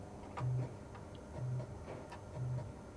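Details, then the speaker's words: Woman who went deaf at 40, during fitting of one of the first cochlear implants: three soft low test beeps about once a second in room noise; her tinnitus interferes at this level before loudness is raised. "Now I'll make it a bit louder. Tell me to stop before it gets too loud."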